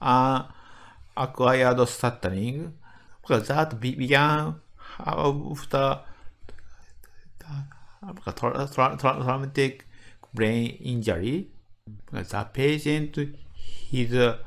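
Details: Medical doctor in Japan with developmental (childhood-onset) stuttering, giving a conference talk; word repetitions audible in the greeting; stuttering.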